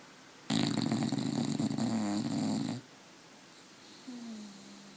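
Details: One-year-old Bulldog snoring while asleep in the morning: one loud, rough, rattling snore of about two seconds, followed by a quieter tonal breath.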